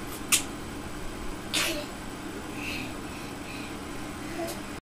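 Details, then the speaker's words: A baby makes two short, sharp, playful fake sneezes, followed by soft vocal sounds. "You're putting that on. Are you sneezing? Where are you going? Achoo! Achoo! Oh!"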